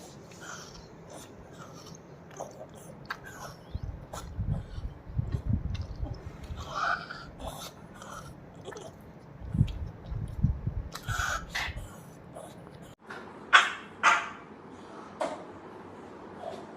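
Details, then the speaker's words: Pug dog with suspected respiratory tract infection (bronchitis or pneumonia), breathing difficulty, restlessness and coughing, owner-recorded video: snorting, wheezy, congested breaths with low rattling; noisy laboured breathing. "की आपने symptoms देखिए इस जग dog में के साथ में कठिनाई हो रही है रिस्टलेसनेस है और साथ में ही डिस्काउंट फूल कर रहा है और अलग से आवाज भी उसके साथ में ए रही है"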